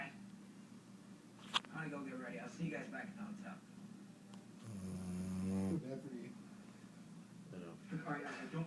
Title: My golden retriever snoring